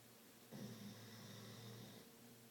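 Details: A sleeping Pitbull Boxer dog gives one long, low, rumbling snore on inhalation in a quiet room, after a big day.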